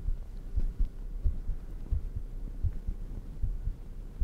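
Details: ASMR recording of a person's own heartbeat: low, muffled thumps at roughly 88 beats per minute under a soft hum; fairly fast heartbeat.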